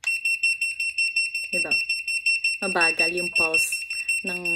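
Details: Home-use picosecond blue laser pen at intensity one, frequency switched between 1 (highest) and 9 (lowest); steady high-pitched beeping at about 110 per minute, each tone marking a laser pulse, with background music.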